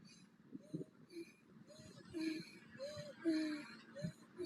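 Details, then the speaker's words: Female athlete standing still looking ahead, with symptoms when running: quick, effortful breaths with brief high-pitched musical squeaks on breathing in, an inspiratory wheeze from exercise-induced laryngeal obstruction or dysfunctional breathing. "there keep looking straight ahead okay so you can hear that she's got a wheeze when she breathes in"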